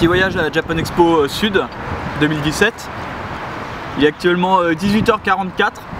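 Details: Adult speaker; ordinary speech.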